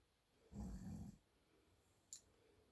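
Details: A single low, rumbling snore on a breath in, about half a second, from an adult man sleeping, followed by quiet breathing; snoring.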